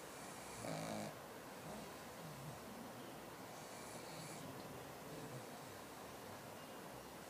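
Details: Pug lying down, falling asleep and snoring: soft, noisy snorting breaths from a small flat-faced dog against steady room noise.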